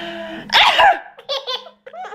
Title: Baby laughs at mom's sneezing - Funny